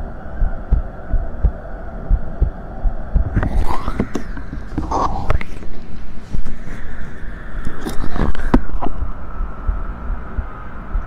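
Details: Streamer's own heartbeat picked up by a microphone during an ASMR stream: steady soft low thumps about 85 a minute under a steady hum and room noise; normal heartbeat.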